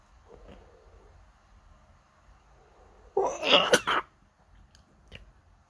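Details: On waking with an itchy nose: quiet breathing, then a burst of two or three quick sneezes close together.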